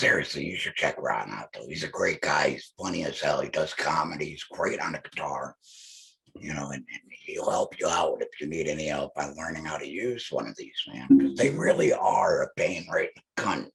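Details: Male speaker who implies he is a laryngectomee; alaryngeal speech.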